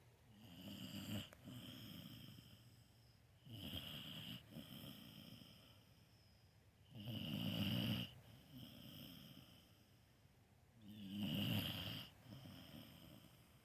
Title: Snoring sleepy puppy stole my bed!!